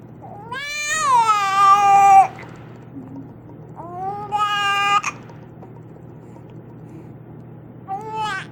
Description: She got the hiccups and wasn't too happy about it.